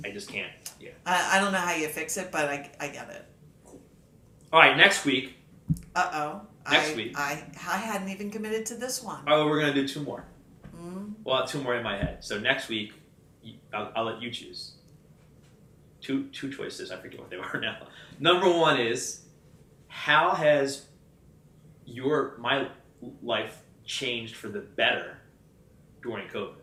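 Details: Stuttering since childhood in an adult man; he had speech lessons from grade school until about high school and says he still sometimes struggles to get words out.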